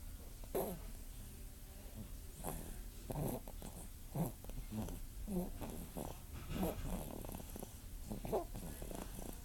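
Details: Baby snoring during sleep: repeated soft, low snorting breaths, about six in ten seconds, over quiet room hum.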